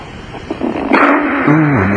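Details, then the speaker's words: Woman caller's loud, rough snore with low droning, rattling tone, likened to a seal, muffled by telephone-quality sound: snoring. "I think the last one was more like an incinerator this is uh this is like a seal yes"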